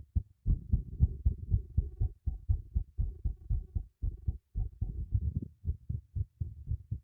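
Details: Own heartbeat recorded with a microphone secured beneath a teacup: deep, regular low thumps, roughly 118 beats a minute; normal heartbeat.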